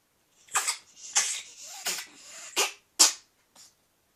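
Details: Ferret coughing: five or six short harsh hissing bursts in quick succession.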